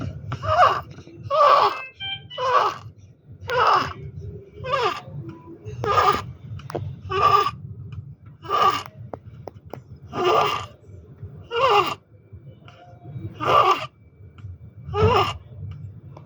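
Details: Inspiratory stridor in an infant with pectus excavatum: repeated harsh, high-pitched noisy breaths from a narrowed upper airway.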